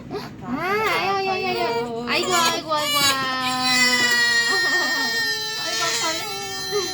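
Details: Loud, high-pitched crying in repeated bursts from an infant about 126 days old, right after vaccination injections (including a combined polio shot) at a third check-up; pain cry.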